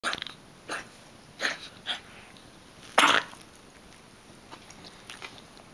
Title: Max coughing